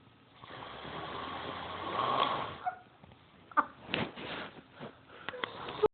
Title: Snoring loud af!